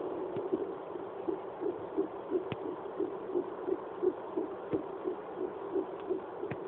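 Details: Fetal heartbeat at 11 weeks of pregnancy on a home fetal Doppler: rapid, regular whooshing pulses at about 170 a minute.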